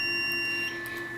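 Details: Steady electronic tone over faint room noise: the Venus Viva radiofrequency skin-rejuvenation handpiece's beep signalling a completed pulse.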